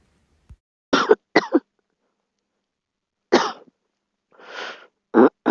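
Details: A girl coughs in short, dry bursts: a pair of coughs, then a single one, a breathy hack, and a final cough.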